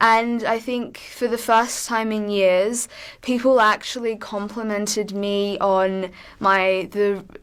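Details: Adult from New South Wales, Australia, who stutters, describing real experiences with stuttering: stuttering.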